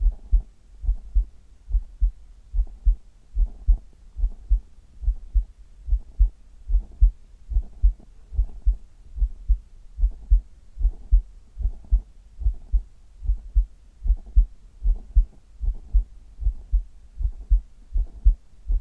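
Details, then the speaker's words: Steady low heartbeat recorded over an adult's chest, regular rhythm with paired thumps at about 73 beats a minute: normal heart sounds. "今日は胸を中心とした心音を皆さんにお届けしたいと思います。"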